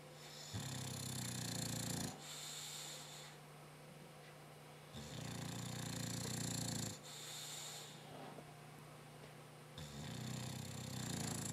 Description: This is my dog Rocky snoring. He snores loud enough that it is hard to hear the tv.